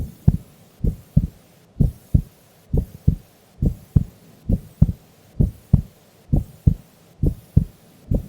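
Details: Female recorded asleep during an afternoon nap: steady paired lub-dub beats at about 65 a minute with quiet gaps between them; normal heart sounds.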